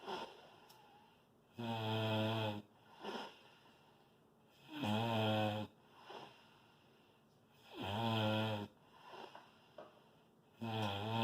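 Loud, buzzing snores on each in-breath, about four in eleven seconds with softer out-breaths between; rattling snoring during sleep.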